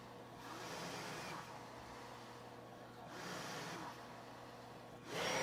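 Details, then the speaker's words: Respironics V60 non-invasive positive pressure ventilator delivering breaths through a mask in a respiratory therapist's demo: steady hum with two long rushing airflow swells about 3 seconds apart; non-invasive ventilation breaths. "So if you look at this top right here where it says spot, exhale, if it's in orange, that means it's a mandatory breath that the machine is, if it's in blue, it's a mandatory breath the machine is giving. If it's in orange, it's spontaneously coming from the patient."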